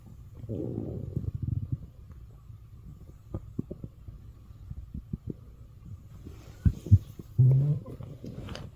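Low rumbling, gurgling and squeaky bursts from the belly, ending in a louder growl; ordinary stomach growling.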